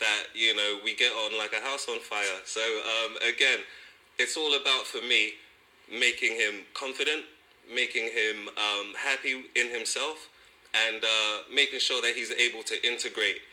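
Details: Adult man speaking; ordinary speech.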